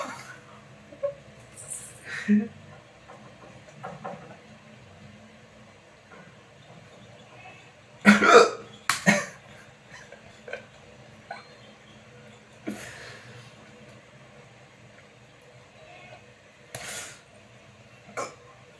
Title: vikkal video /part-2 / #hiccups treatment video 2nd part